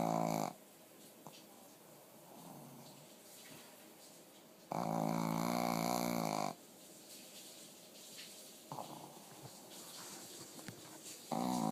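Loud rattling snores, each lasting a second or two, alternating with quieter breathing; a sleeping dog snoring.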